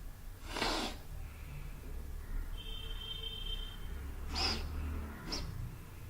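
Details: Snorting in someone who can't stop sneezing, during a home-remedy demonstration: three short, forceful, noisy bursts of air through the nose over a steady low background rumble.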